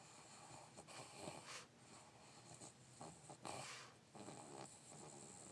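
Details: Dog snoring while asleep, with eyes twitching: soft snuffling, snorting breath sounds over quiet room noise.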